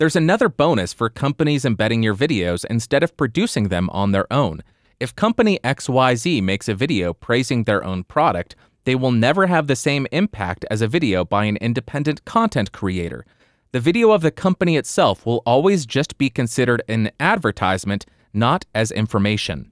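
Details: Adult male speaker; typical speech.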